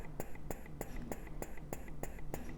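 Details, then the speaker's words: Zomee Z2 portable breast pump running in stimulation mode to start let-down: quick, regular clicking suction pulses, about three a second (small fast draws), over a soft motor hum. "the stimulation mode is just what it sounds like it's intended to stimulate the flow and get that let down started so you can hear the pump it's small fast draws small fast Su suction"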